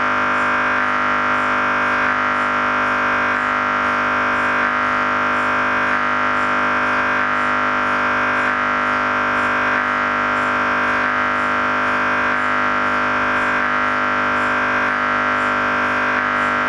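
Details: MRI scanner noise: a loud, steady, continuous electronic droning hum with faint regular pulsing.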